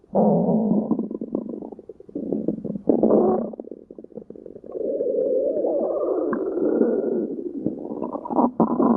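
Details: Loud, prolonged stomach growling (borborygmi): low gurgling and rumbling with bubbly, squeaky stretches, continuing almost without pause.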